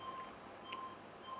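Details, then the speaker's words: ICU bedside patient monitor with a pulse oximetry probe clipped on a finger, displaying pulse rate, oxygen saturation and waveform: short electronic pulse-oximetry beeps over quiet room noise. "फिर जो है आप screen पर देखिए यहां पर आपको patient का पल्स रेट और सैचुरेशन आपको दिखेगा।"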